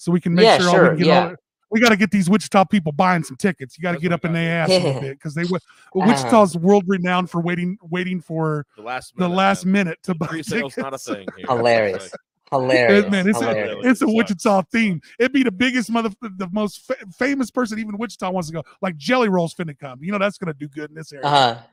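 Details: Adult male with a real stutter, word repetitions in conversational speech; stuttering.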